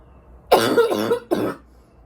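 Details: Adult smoker with winter allergies: two harsh chesty barking coughs, the first long and rough, the second short, in a quiet room.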